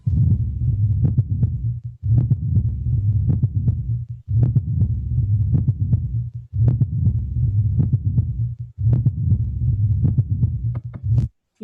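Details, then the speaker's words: Mitral valve prolapse (Barlow syndrome): an extra sharp midsystolic click at the apex gives a three-part rhythm like a third or fourth sound, and mitral regurgitation may follow the click. "se manifiesta por la presencia de un chasquido de esa punta en ápex y da lugar a un ritmo en tres tiempos como ocurre con el tercer o cuarto ruido"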